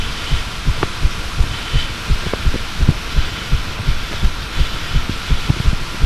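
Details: Regular low thumping heartbeat, second recording attempt, about 80 beats per minute with paired beats over steady background hiss; heartbeat.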